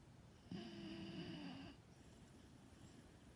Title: Lulu snores when she dreams